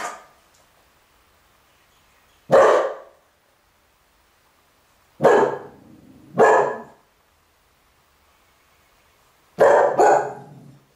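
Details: Dog with kennel cough barking at passers-by: about six short, rough, husky barks in scattered bursts, voice strained; hoarse barking.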